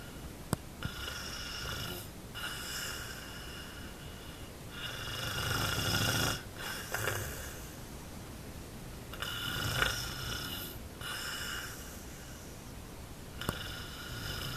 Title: snoring all night long